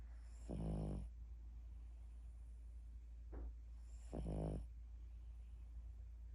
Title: snoring